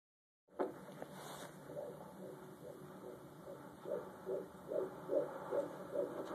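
Fast, soft rhythmic whooshing pulses, about 140 a minute, under a steady hum: a fetal heartbeat.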